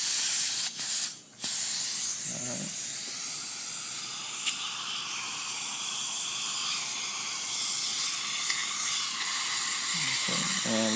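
Continuous loud hiss of suction with brief dips and clicks: dental suction running through a soft isolation mouthpiece.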